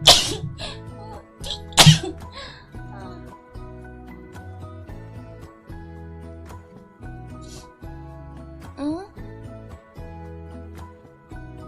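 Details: Adult gives two sharp, explosive sneezes near the start, the second louder, with steady background music throughout: ordinary sneezing.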